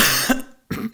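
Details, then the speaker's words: Pharmacist with chest congestion coughs after inhaling nebulized 7% hypertonic saline: two harsh, loose, wet-sounding cough bursts in quick succession. He says the saline is irritating and provokes coughing. "And I don't think it was any better than the 0.9%. But it it makes you cough cuz it's irritating."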